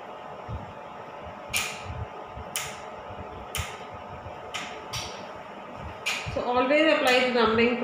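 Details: Laser tattoo removal, first sitting at low power after numbing cream was applied and removed: sharp snapping clicks at irregular intervals over low room hum, then a brief vocal sound; laser pulses firing.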